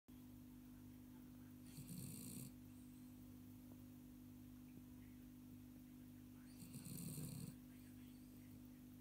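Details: Pup sleeping upside down: two short, soft snorting snores about five seconds apart over a steady background hum; light snoring.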